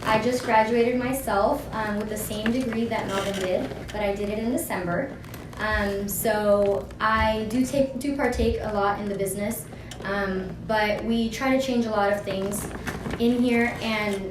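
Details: Adult woman speaking; normal speech.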